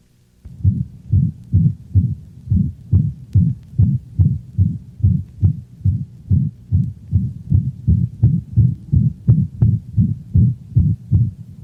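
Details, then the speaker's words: Dog with mitral insufficiency: rapid, regular heartbeat with a loud, prolonged holosystolic murmur that obliterates the second heart sound, so each beat sounds like one long, rough whoosh. "listen to another recording of mitral insufficiency the holosystolic murmur is so loud and prolonged that the second heart sound is obliterated giving the impression of only one prolonged sound"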